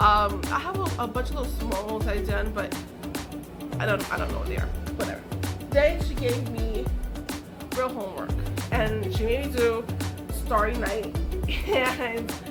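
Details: Adult woman with aphasia following a stroke, which she says took away her ability to talk, write and paint; aphasia.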